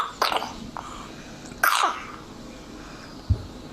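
Two short, wet, harsh coughs: a bronchiolitis cough, likely from RSV infection.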